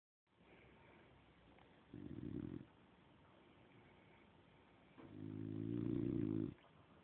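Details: Sleeping dog snoring: two low, fluttering snores, the second longer, with soft breathing between.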